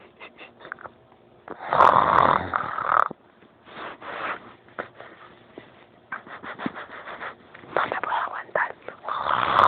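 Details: Several people sleeping and snoring in turn during a group stay: loud, rattling snores with irregular snorting bursts; noisy upper-airway vibration.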